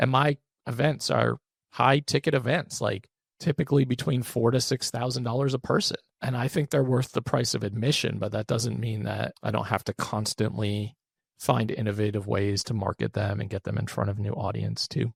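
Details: Adult man with one vocal cord paralysed after open throat surgery for a rare, chronic, recurring throat condition (endoscopic surgery in 2021, recurred within 4 months); voice improved but still fatigues daily; creaky voice (vocal fry) with unilateral vocal cord paralysis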